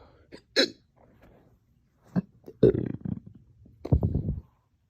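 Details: Painful hiccup-burps that hurt the chest, onset after a dog walk and drinking water too fast, short-lived; sharp hiccup catches each followed by a low rough burp, in a few bursts; hiccups with belching.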